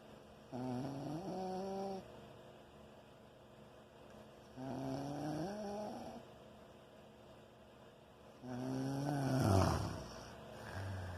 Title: Can't sleep because of snoring